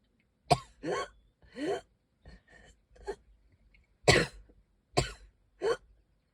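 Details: Coughing bout in a person who can hardly breathe and is wheezing: about five harsh, forceful coughs separated by noisy, strained breaths with a faint whistling quality.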